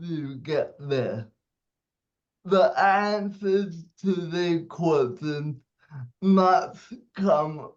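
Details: 27-year-old man with cerebral palsy, speech affected by his condition; dysarthria (cerebral palsy).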